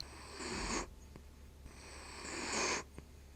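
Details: Dachshund named in speech as snoring loudly while asleep: two rhythmic, noisy breaths about two seconds apart, each building then stopping abruptly, over faint room noise; dog snoring.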